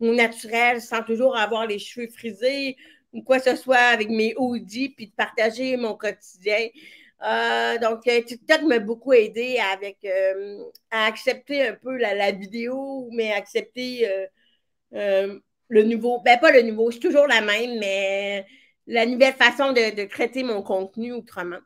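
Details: Severe-to-profound deafness in an adult woman who hears with her right ear via a hearing aid and now a cochlear implant, and who worked on her voice on her own; deaf speech (severe-to-profound hearing loss).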